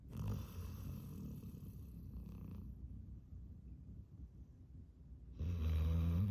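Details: Exhausted yellow Labrador retriever puppy mouth-breathing while asleep: steady low, rumbling breathing that grows into a loud, fluttering snore near the end; the video questions whether the snore is real or fake.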